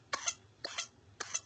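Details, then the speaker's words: Infant with whooping cough: three quick, high-pitched coughs in rapid succession with little pause for breath, with apparent breathing pause and lip colour change during the episode; pertussis paroxysmal cough. "Tose, tose, tose, tose, tose. Y es el sonido. Se llama instridor respiratorio."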